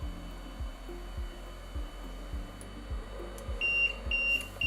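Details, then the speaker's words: Rhythmic low pulsing, then repeated high-pitched beeps: an LTV-1000 ventilator apnea alarm after 20 seconds with no breaths from a mannequin in CPAP, rate off, no pressure support; defaults to apnea ventilation at 12 breaths/min. "in this scenario our mannequin won't initiate any breath so after 20 seconds we should see our apnea"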